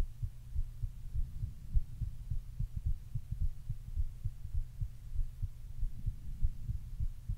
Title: Thumpy male heartbeat